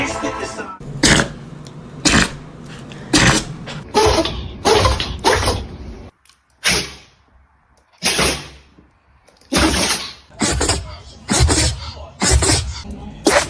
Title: When Dog Sneezed (Try Not To Laugh) 🤣🐕